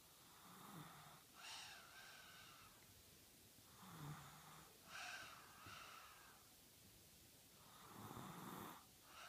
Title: snoring